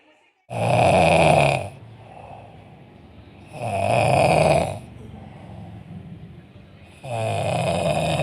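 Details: Person sleeping seated on a motorcycle: three loud, harsh, buzzing snores about every three seconds with quieter breathing between; heavy snoring.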